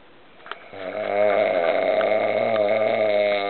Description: Once again I caught my friend snoring like a cow.